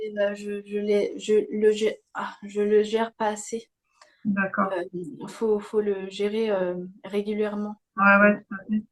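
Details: Young woman, speaking French, with aphasia after a stroke at age 22 that affected her speech and grammar; aphasia after stroke.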